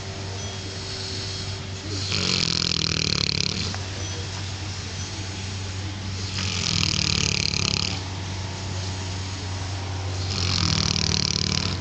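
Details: Awake female Neapolitan Mastiff being cuddled, snoring while awake: three loud, rough, rattling noisy breaths at roughly 4-second intervals over steady room hum; snoring-type breathing.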